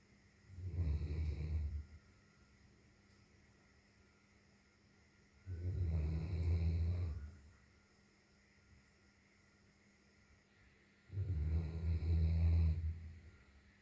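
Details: Sleeping long-haired German Shepherd dog snoring: three slow, low rumbling snores about 5 seconds apart, roughly 11 a minute, with quiet between.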